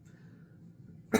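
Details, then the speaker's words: Adult cough during a chest cold, from a person diagnosed with ALS; cough. "First, uh I'm fighting a chest cold. So, if I cough or whatever during this or I sound funny, that is why."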